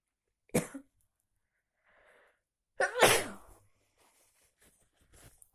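Two sharp explosive bursts, each with a quick intake before it, then quiet breathing and faint sniffs: two sneezes.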